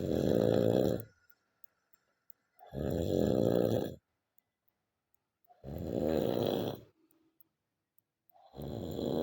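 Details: Simulated cartoon snoring from an animated comedy short: loud, rhythmic, rattling snores roughly every three seconds, with snorts and groaning.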